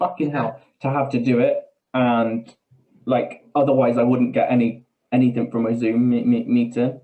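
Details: Adult man with Tourette syndrome: vocal tics with coprolalia, involuntary swearing tics interrupting his speech.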